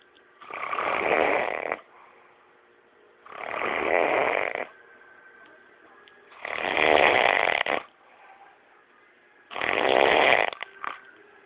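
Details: Loud, long rattling snores on each in-breath, four in about eleven seconds; heavy snoring.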